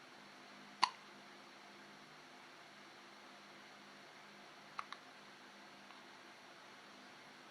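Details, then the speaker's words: Baby with hiccups: one sharp hiccup, then two faint quick hiccups a few seconds later, in a quiet room. "Do you have the hiccups, Mommy? Bless you. Bless you."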